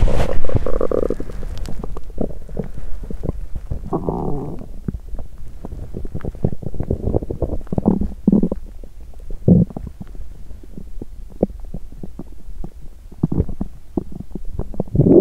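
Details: Belly sounds on an empty stomach after exercise, which caused nausea; dried apricots not yet eaten: loud gurgling low rumbles, irregular pops and squelches with longer growls, active bowel sounds (borborygmi).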